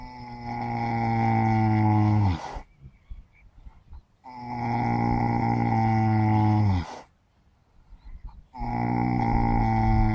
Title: Sleeping horse snoring pretty loudly